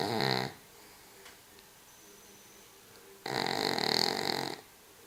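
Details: Cavalier King Charles spaniel (Sam) asleep, giving rough, rattling snores separated by a quiet pause of about three seconds; snoring.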